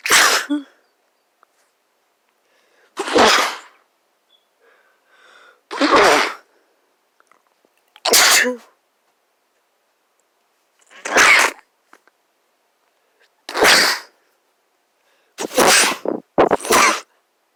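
A run of seven sharp, explosive sneezes from an adult, the last two close together, in a quiet room.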